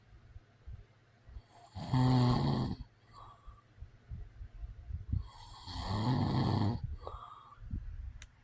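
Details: Real recording of an adult man snoring: two loud, rough, low snores on the in-breath, about four seconds apart, with quieter out-breath noises between.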